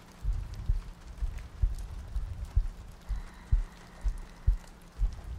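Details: ASMR sleep-aid loop of soft breathing, heartbeats and rain ambience: soft low thumps at about 63 a minute under steady rain-like noise; regular heartbeat.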